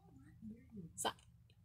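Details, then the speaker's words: Acted hiccups in a comedy skit, a character saying "Sorry, I have hiccups"; simulated hiccup. "Sorry, I have hiccups."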